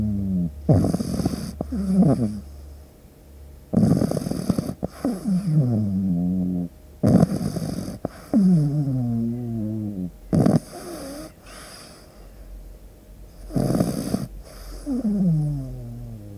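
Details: Sleeping pug puppy snoring: loud snorting, rattling snores with whistly, squeaky tails, repeating about every 3 seconds (roughly 18 a minute), typical noisy snoring of a flat-faced puppy; no background music.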